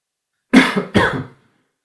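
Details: Two short, sharp cough bursts in quick succession breaking long silence; a plain dry-sounding cough.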